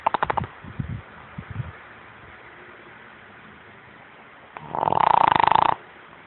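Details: Sleeping dog snoring: a rough, fluttering snore with snorting pulses, a long silent pause, then another buzzing snore on the next breath.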